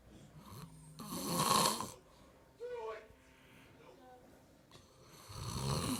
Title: THE SNORING APE